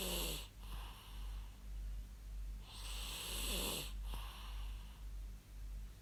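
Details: Real human snoring used as white noise: rough snores with a slightly whistling, nasal edge, recurring every few seconds over steady room hiss.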